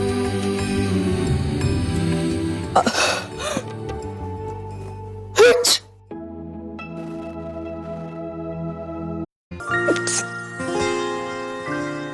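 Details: Two or three acted sneezes by an actress with a cold in an Indian TV soap scene, over dramatic background music; simulated sneezing.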